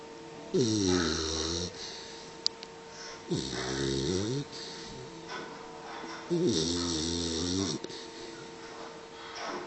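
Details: 3-month-old Pitbull puppy snoring: three loud, buzzing snores about 20 a minute, with a rattling, humming tone through nose and throat, separated by quieter breaths.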